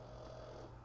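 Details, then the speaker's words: A dog snoring loudly in the background: a low, steady rattling rumble heard as a single drawn-out snore. "as you can hear hey you can hear Hunter snoring in the background Big Time"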